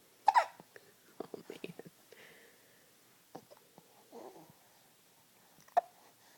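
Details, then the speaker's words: Hiccups while sleeping: sudden sharp hiccup sounds, a couple clearly audible, with soft breathing and faint sleepy murmurs between them. "survived the hiccups."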